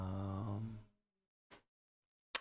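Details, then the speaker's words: Dog snoring in the background during a live podcast recording: a single low, rumbling snore under a second, followed by silence and a couple of faint knocks. "I hear the dog snoring. That's the best noise in the world."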